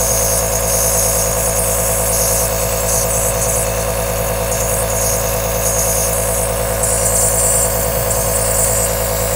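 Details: Steady continuous mechanical hum with rapid regular buzzing pulse and hiss: an aerosol nebulizer running.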